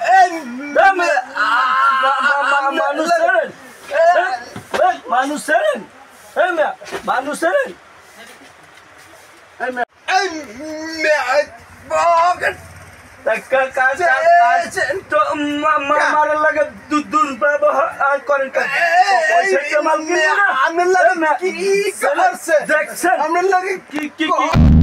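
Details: Acted stuttering in a comedy skit, two people (a customer and a shop owner) both portrayed as stutterers; stuttering (acted)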